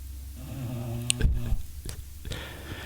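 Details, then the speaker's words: Snoring in a brachycephalic dog: a loud, low, rattling snore from a sleeping, content flat-nosed dog that had nasal surgery shortly after birth, attributed to poor airflow through the flat nose. "Now, the problem with a flat-nosed dog is they don't get air in as easily as, like, O'Neill here. That's why you can hear Daisy snoring right now."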